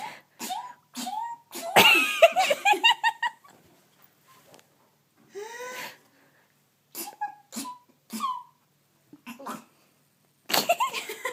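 A run of sneezes mixed with laughter and breathy gasps, a sneezing fit.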